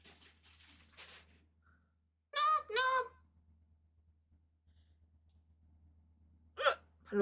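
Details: Person hiccuping during a live stream while preparing to eat: two quick voiced hiccups close together, then a third a few seconds later, over a low room hum.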